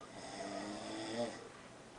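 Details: Father snoring while napping with his 4-month-old sleeping baby: a single droning, slightly tonal snore on a breath during sleep; ordinary snoring.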